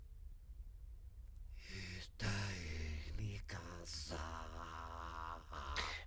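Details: Patient with unilateral vocal fold paralysis attempting a prolonged /a/, showing severe breathiness, reduced vibration amplitude and intensity, and a rough, strained, asthenic voice; severe breathy dysphonia from unilateral vocal fold paralysis.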